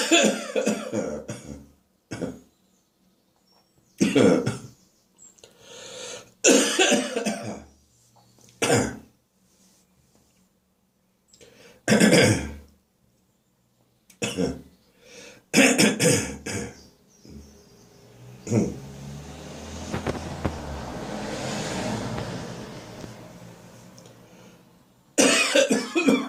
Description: I've caught a Spring upper respiratory infection with has given me a sore throat for several days and is now developing into a head cold and a sharp staccato barking cough.